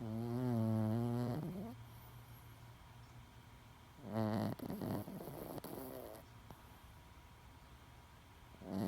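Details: Loud buzzing snores, about two in nine seconds, with quiet breathing between, from a small 10-pound Chihuahua dog; snoring.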